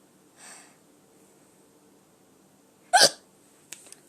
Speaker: okay please have another hiccup